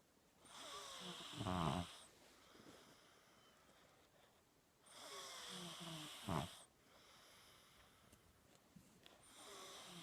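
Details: A person recorded snoring in their sleep: slow breaths about 13 a minute, each with a harsh, rattling snort on the in-breath; loud snoring.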